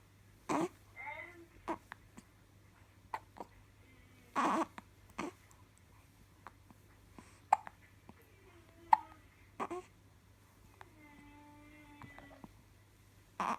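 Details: A two-day-old newborn makes about eight sharp, abrupt hiccup bursts at uneven intervals, with soft squeaks and coos between them over a low room hum; hiccups.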